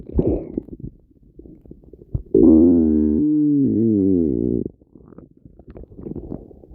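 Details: Violent stomach noises: loud bowel gurgling with a long, sustained growl whose pitch wavers, between softer bubbling sounds; borborygmi.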